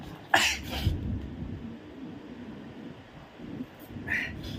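Sharp, burst-like sneezes with forceful breathy noise at the start and end, done as an acted prank rather than a real illness.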